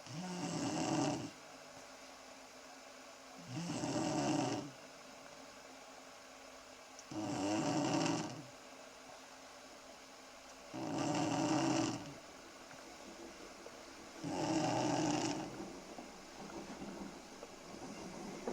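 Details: Four-year-old girl snoring "like a pneumatic drill" in early summer 2008: regular rough snores every three to four seconds, about 17 a minute, with quiet gaps between; ordinary sleep snoring.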